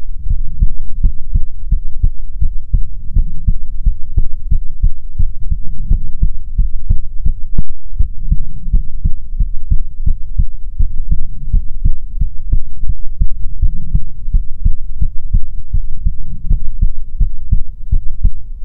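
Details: Soothing ASMR heartbeat recording: steady, regular deep heart thumps at about 80 a minute with a low rumbling hum behind them; a normal heartbeat.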